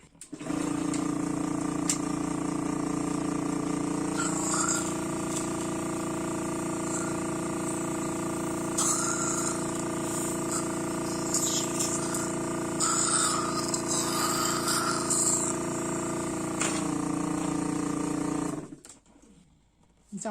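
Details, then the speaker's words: Airway suction machine running with a steady droning motor hum and intermittent gurgling hiss, suctioning a special-needs daughter back in bed after standing, on a day that began with a seizure. "can you suction you a little bit more yeah let's do that"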